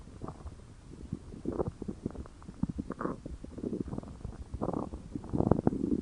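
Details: Rolling low gurgles and bubbling rumbles over several seconds from a stomach: ordinary stomach growling, bowel sounds.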